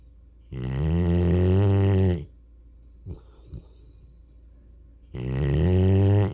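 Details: Mastiff/Rottweiler-mix puppy snoring while asleep: two loud, low, rumbling snores a few seconds apart, with quiet breathing between them.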